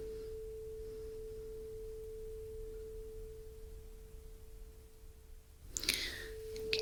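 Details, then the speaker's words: Simulated Rinne test in an ASMR ear-exam role play by a non-doctor: vibrating tuning fork placed on the mastoid bone, pure steady ringing tone that slowly fades, then a rustle. "now we have the renie test so I'm going to place the vibrating tuning fork on the base of your mastoid bone and I want you to put your finger up when you can no longer hear it"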